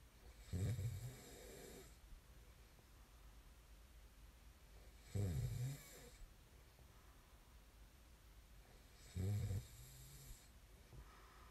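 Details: Deep, low rattling snores on each breath, about 15 a minute, with quiet gaps between them; ordinary sleep snoring recorded as snoring ASMR.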